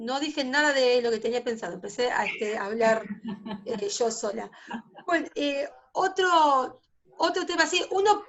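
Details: Adult female teacher who stutters, denied a teaching post when starting her career at 19, now teaching about 16 years later; stuttering.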